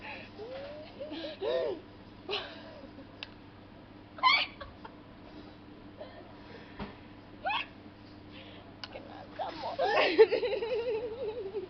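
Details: Brief abrupt voiced gulps recurring every few seconds amid quiet room noise and some giggling, from a very drunk adult on a night out; hiccups.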